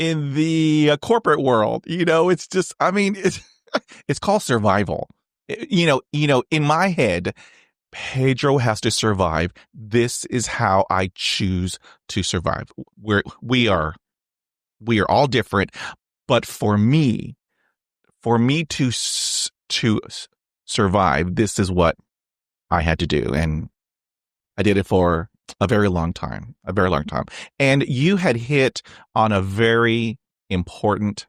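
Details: Real stuttering in an adult man who has stuttered since age 5 and had speech therapy on and off from grade school to college, heard in a podcast interview.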